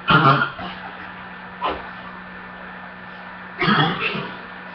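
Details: Three rough cough bursts, the first and last harsh and throaty with a short follow-on, over steady room hum; person reports still coughing and a choking episode.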